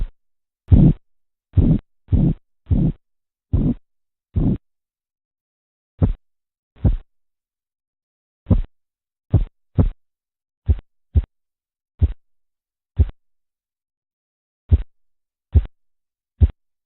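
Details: Korotkoff sounds heard during a blood pressure measurement teaching exercise: tapping, swishing, knocking and muffling phases.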